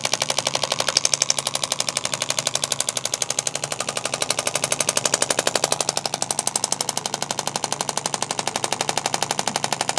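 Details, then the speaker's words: Radial shockwave therapy, first session, on a student's tender shoulder where the backpack presses: rapid, steady percussive pounding, about four pulses a second, louder than electromagnetic focused shockwave. "You can hear that very percussive pounding back and forth of that instrument. The focus is a much quieter machine because it's actually going through an electromagnetic current versus this being a percussive way to make that current or way to make that sound wave."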